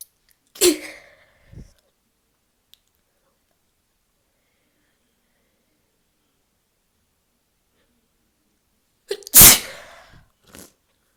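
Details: Self-provoked sneezing and nose blowing from a person with a stubborn, sore nose. Two loud, forceful adult sneezes, each with a sharp intake and explosive burst, separated by a long quiet gap.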